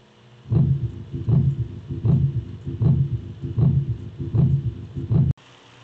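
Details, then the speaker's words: Simulated pericardial friction rub, as in acute pericarditis with a small effusion: heart sounds with a scratchy, grating quality at about 78 beats a minute. "And that's going to cause what's known as a pericardial friction rub. And I'm going to try to simulate that here."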